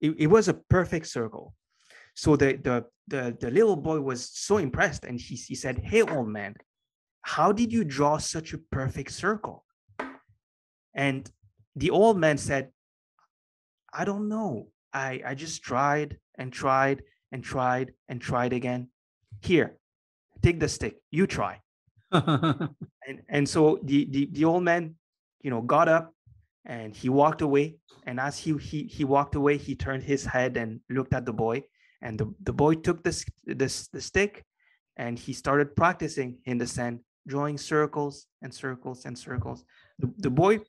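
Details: Adult man with a stutter present for as long as he can remember, long a major life challenge; after years of consistent meditation practice he has more control and it is now barely audible; stuttering.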